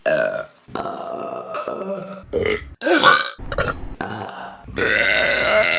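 Several loud, drawn-out burps in a row, varied in pitch and length; ordinary belching.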